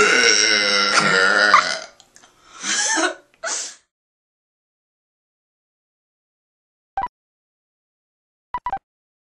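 A long, loud voiced belch followed by shorter belching bursts, then a couple of faint clicks; deliberate burping.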